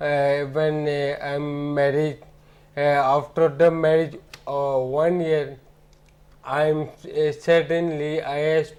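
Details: Adult man with ataxia since about 2007, symptoms starting about a year after his marriage: ataxic dysarthria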